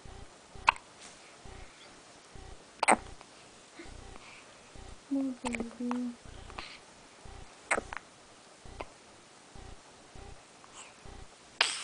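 Repeated short abrupt hiccups, about 27 a minute and irregular, with a brief voiced sound partway through.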